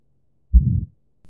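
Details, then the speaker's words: An educational example of a heart murmur from a valve that does not close properly: a single low heart sound followed by a brief rumbling whoosh. "di mana jika salah satu katup jantung rusak dan tidak menutup dengan benar maka akan terdengar suara tambahan yang dikenal sebagai murmur jantung"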